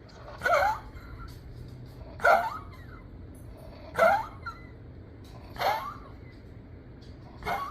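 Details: A dog with heart failure takes loud, effortful, gasping breaths about 34 a minute: laboured rapid breathing (dyspnoea).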